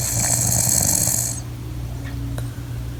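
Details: Adult who long denied snoring, recorded asleep by spouse: a loud rattling, snorting breath fading into quieter breathing with room noise; snoring.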